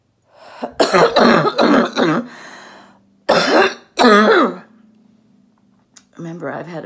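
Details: Productive wet cough from an adult female orthopedic surgeon recovering at home from COVID-19 infection, voice hoarse and near laryngitis from heavy coughing.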